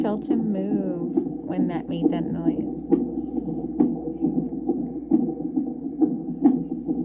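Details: Fetal heartbeat monitored on Doppler over mother's abdomen: rhythmic whooshing pulses at about 130 a minute, with early whistling noise, in the normal range.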